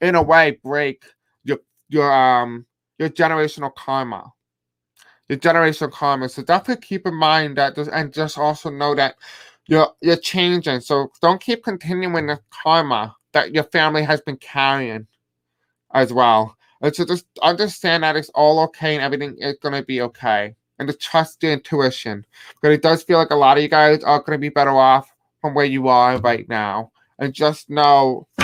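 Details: Adult man with deaf speech, a self-described deaf accent, who says he may have a hard time pronouncing certain words; unscripted live-stream speech; deaf speech (deaf accent).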